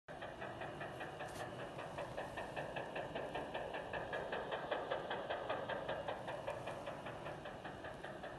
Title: Bird Heart Rate Monitoring Actual Operation Scenario